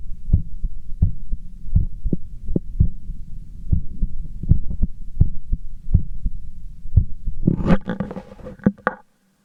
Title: excersise heart sound